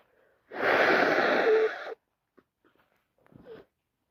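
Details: Day 2 of a very snotty cold: one forceful, explosive airy sneeze lasting over a second, then quiet sniffles; a sneeze during a head cold.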